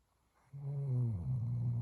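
A single low, rumbling, buzzing inhalation after a brief quiet start: a snore.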